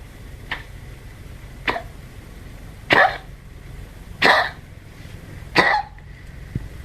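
A small dog gives five short, dry, honking coughs at roughly even intervals, typical of kennel cough.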